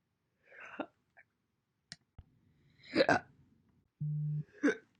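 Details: Several short, abrupt hiccup sounds with gaps between them plus a brief steady tone; single hiccups from a compilation recorded January–April 2021.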